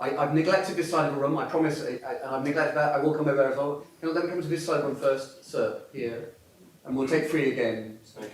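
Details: Adult male speaker; normal speech.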